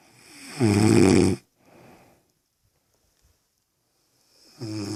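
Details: Woman asleep: loud, low, rattling inspiratory snore, softer out-breath, pause before next; snoring.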